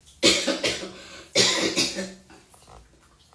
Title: coughs then starts to freestyle after